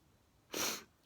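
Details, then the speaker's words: Man with a sneezing fit just before bed, a daily problem, reporting jaw spasms: a single explosive, hissing sneeze lasting about a third of a second in a quiet room; sneeze. "I want to sneeze I'm going to"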